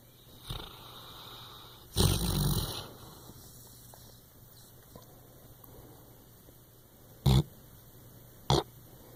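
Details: A sleeping English Chocolate Labrador snoring, with a loud snorting snore with a fluttering sound, then short snort-like snores, in a quiet room.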